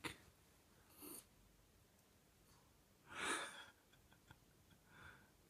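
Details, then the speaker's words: A sleeping female Basenji dog snoring lightly in a quiet room: soft snorting, rattly breaths with one louder snort in the middle. "Thieva, you were snoring. Oh, girlie. Not very ladylike."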